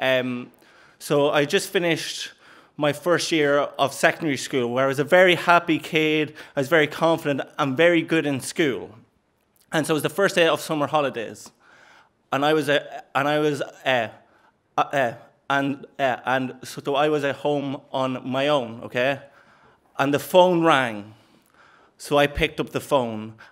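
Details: Stuttering (stammer) in an adult man since age four, with first-sound repetitions and at times no sound at all; later did the McGuire programme; part-word and word repetitions; stuttering.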